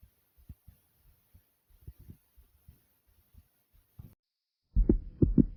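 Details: Person's own heartbeat recorded through the chest, described as soft and quick: low thumps around 120 per minute, ending in loud rubbing noise; rapid heartbeat.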